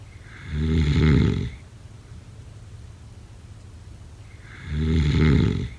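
Two loud, low, rattling inhaled snores about four seconds apart, with quiet breathing between them. Ordinary snoring.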